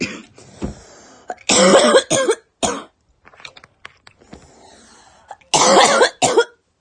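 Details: Young woman, apparently a smoker, coughing: loud, harsh, forceful coughs in two main bursts, with throat clearing and softer breathy sounds between them.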